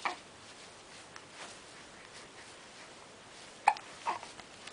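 Quiet room with a few brief, sharp hiccup sounds, one clearer near the end; ordinary hiccups.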